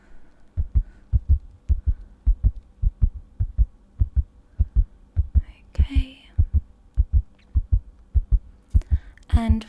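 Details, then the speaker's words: Simulated ASMR cold-and-flu exam, stethoscope on the chest: regular paired heart thumps at about 100 beats a minute with faint whispering; judged relatively normal, no tachycardia and no obvious murmur. "okay sounds relatively normal there's no tachycardia it's going quite fast but not i'd say it's about 100 beats per minute"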